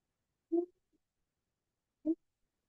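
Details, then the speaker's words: Child with acute upper airway obstruction, agitated but not toxic-looking: two brief, high-pitched crowing noises with each breath in, predominantly inspiratory stridor. "The strider is in an inspiratory phase predominantly. Every time she breathes in, she's got strider."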